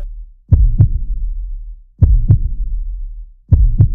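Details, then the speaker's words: Regular paired low heartbeat thumps, about 40 a minute, from a boy's chest heard through a homemade DIY stethoscope. "ये दूसरे के heart पे रखने पे उसका हार्ट बीट का आवाज़ भी आता है"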